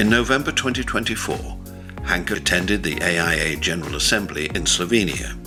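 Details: Adult male narrator; normal fluent speech.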